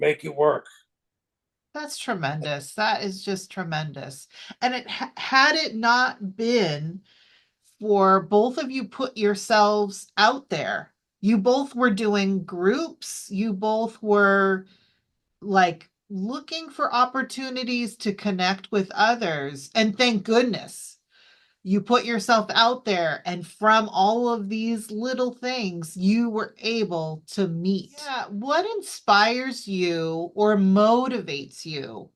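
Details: Adult female speaker; normal speech.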